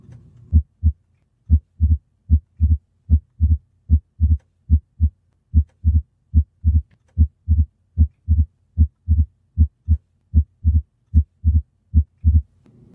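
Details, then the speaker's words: Physiological splitting of S2: regular heartbeat near 75/min; the second sound splits into two close taps on inspiration as delayed pulmonic closure follows aortic closure. "once the patient inhales more blood enters the right heart then the closure of the pulmonic valve is delayed causing the aortic valve to close first and then the pulmonic valve closing"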